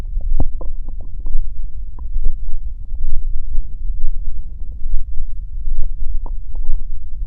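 Low rumbling with scattered gurgles and bubbling pops from the belly: ordinary stomach growling.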